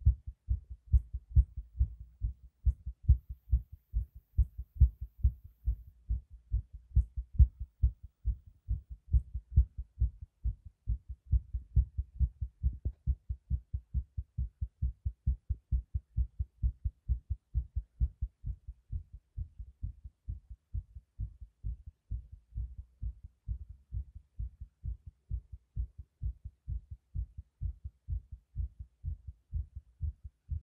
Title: visible heartbeat sound